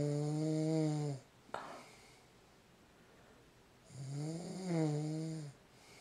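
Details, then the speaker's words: Adult man (husband) snoring in bed at night: two loud, buzzing, tonal inspiratory snores about four seconds apart with a brief click between, in a quiet room, likened to a wild boar. "Listen to that. He sound like a wild boar. A wild boar."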